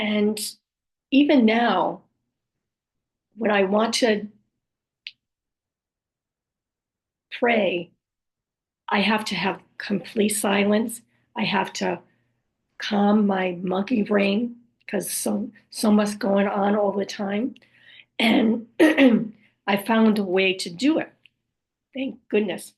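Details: Adult woman after a stroke with aphasia, apraxia of speech, word-finding difficulty and other communication challenges: aphasia with apraxia of speech.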